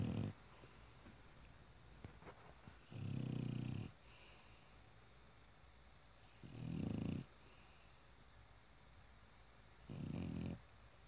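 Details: French Bulldog sleeping: low, rumbling snores with each breath, about every three seconds, roughly 18 a minute, in a quiet room: snoring.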